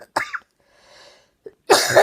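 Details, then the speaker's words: Adult with a 12-week cough producing white foamy sputum, triggered by talking, slight exertion or air conditioning; viral pneumonia suspected but unconfirmed: two harsh cough bursts separated by a faint, noisy inward breath, a chronic productive cough. "until I get all of that out of my lungs I just cough cough cough sometime if I talk or say something at bring it on if I exert the least little bit or if I get an air conditioning it really brings it on"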